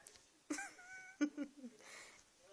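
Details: Puppy with hiccups; owner tried startling her and suggested holding breath.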